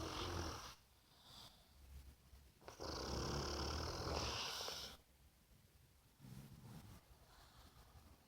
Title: 2019 02 20. Snoring.